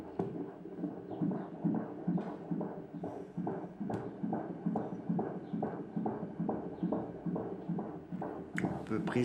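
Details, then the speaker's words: Fetal heartbeat on Doppler at about 7 months of pregnancy (fundal height 27 cm): rapid, regular whooshing, galloping beats at about 140 per minute, normal. "On va écouter le cœur du bébé."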